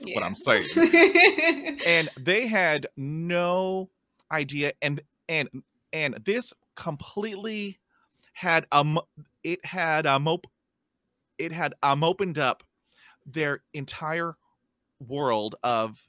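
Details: Real stuttering in an adult man who stutters, heard while hosting a podcast about life with stuttering; stuttering.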